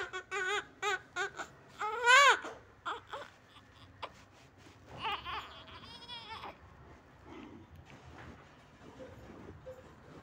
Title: Cute newborn baby